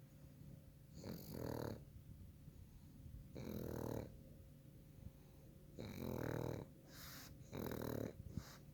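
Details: Sleeping pug: loud rattling snores with each breath, about four in seven seconds, with quieter gaps between; short-nosed dog snoring.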